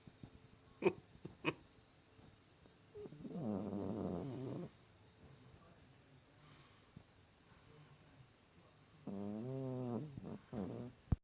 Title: My dog snoring, AKA Sabrina.